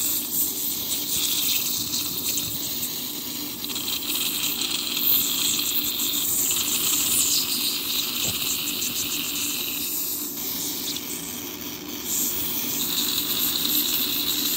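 High, hissing whine of dental instruments with water spray running continuously, with brief changes in pitch; routine scaling and polishing.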